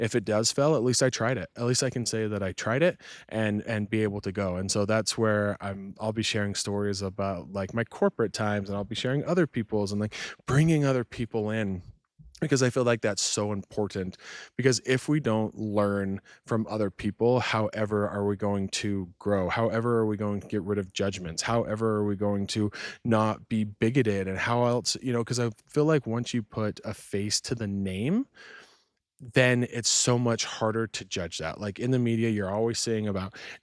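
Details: Adult male speaker; fluent adult speech.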